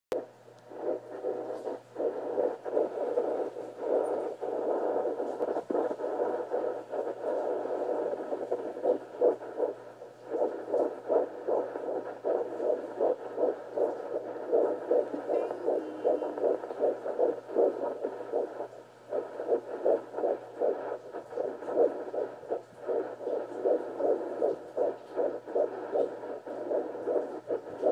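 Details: Rapid, regular whooshing pulses of a fetal heartbeat heard through a doppler at roughly 155–160 beats a minute: fetal heartbeat.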